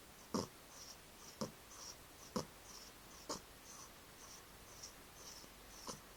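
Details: An 11-month-old cat asleep curled in the owner's arms: soft, regular snuffling snores about 60 breaths a minute with a faint whistle on each breath; snoring.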